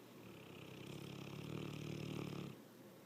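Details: Loud snoring during sleep that grows louder over time: one long, loud, rumbling breath, rough and fluttering.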